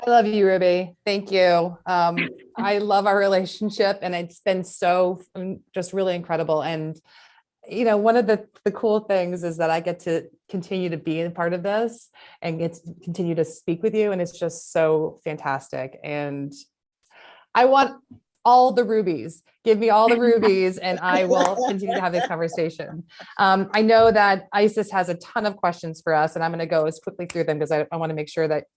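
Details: Adult woman speaking; normal speech.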